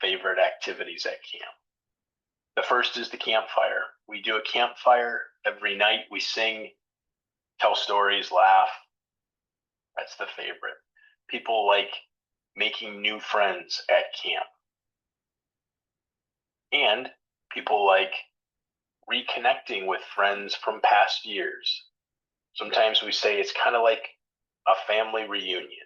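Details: Adult male speaker; ordinary speech.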